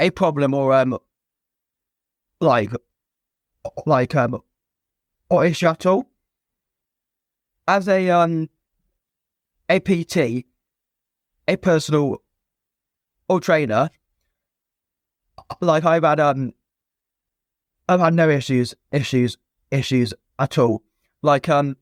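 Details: Stuttering (stammer) present since a young age in an adult man, a former soldier, in spontaneous conversational speech.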